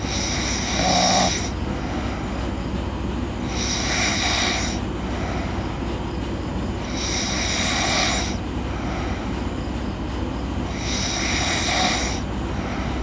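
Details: Girl snoring in sleep: regular harsh, rasping snores about every three and a half seconds, roughly 17 a minute, over a steady low background hum.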